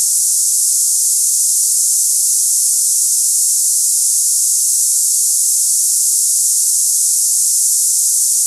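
Steady, loud, high-pitched hiss with no variation, a simulation of cicada-like hissing tinnitus.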